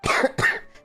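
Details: Girl coughing: two quick, harsh coughs in close succession, fading out at the end.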